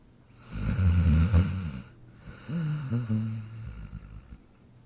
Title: Jack Sleeping & Snoring in his Dog Bed in 43 seconds Pt. 2